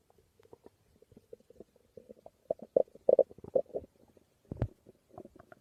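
Irregular gurgles, squeaks and low rumbles from the belly: ordinary stomach growling from gas and fluid moving through the gut.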